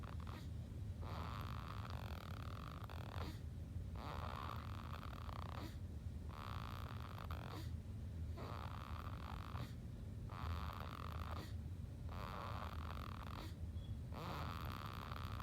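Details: Sleeping baby snoring after a bottle: regular rough breaths about 30 a minute over a steady low rumble.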